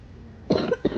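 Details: One brief cough burst with a short follow-up, from a person coughing while shopping in a store toy aisle, over store background noise; a single cough.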